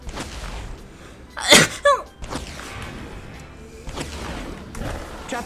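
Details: Male streamer: one loud, explosive burst of air with a short voiced tail, over background game sounds; sneeze.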